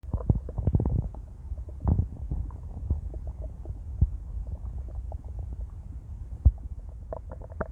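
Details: Female after an 18-hour fast: low, bubbling rumbles and gurgles with scattered pops, stomach growling (borborygmi) on an empty stomach.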